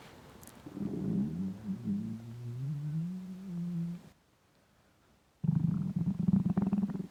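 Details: Intense hunger stomach rumbling (borborygmi): a long, wavering gurgling growl, a pause, then bubbly rumbling; a normal sound.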